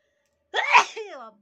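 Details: Single loud voiced sneeze with a sharp burst and trailing vocal tail, possibly exaggerated for fun in a sneezing challenge clip.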